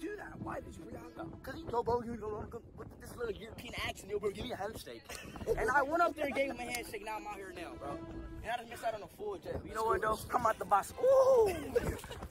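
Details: Adult male speaker; normal voice.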